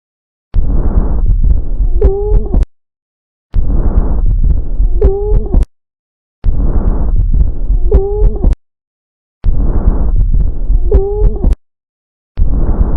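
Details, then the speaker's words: Educational recording of an adventitious breath sound: repeated breaths, each ending in a high, musical whistling tone; wheeze. "You are listening to Wheeze."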